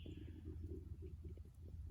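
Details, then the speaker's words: A camper's stomach rumbles outdoors at breakfast before eating, a deep continuous low rumble with soft bubbling gurgles; stomach rumbling (borborygmi). "pretty sure you can hear my stomach rumbling too so just in the nick of time I'm going to eat this"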